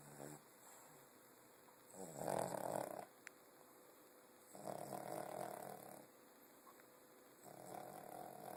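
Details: Snoring: soft, rough snores recurring every couple of seconds over a steady background hum.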